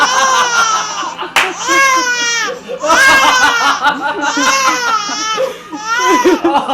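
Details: Infant cry in a 13-week-old boy startled by a sneeze during play: loud, high-pitched crying in repeated wails with breaths between.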